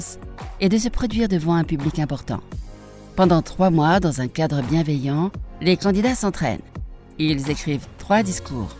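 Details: Adult woman narrating; typical speech.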